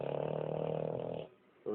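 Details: Family dog snoring at 2am across the room: one loud, rattling, fluttering snore on a breath in while asleep.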